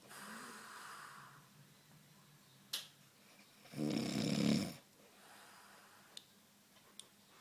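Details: Adult woman (mother) asleep, snoring: one loud, rumbling snore on the in-breath, with quieter breathing and faint room noise around it.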